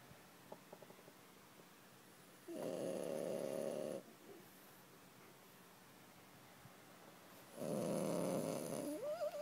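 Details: Pet sleeping comfortably and snoring loudly: two long, loud, rattling snores with quiet pauses between; ordinary snoring during sleep.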